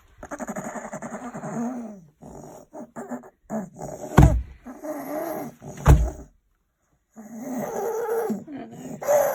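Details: Real child with croup, a viral illness: two harsh, barking coughs amid whimpering, voiced breathing sounds.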